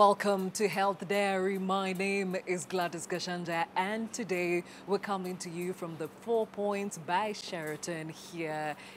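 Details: Adult woman presenter; Normal speech.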